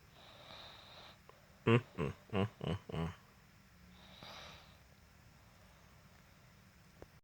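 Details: Snoring from a boy, said to snore like an adult or worse: a run of five short, rough snorting breaths about a third of a second apart, with faint breathing before and after.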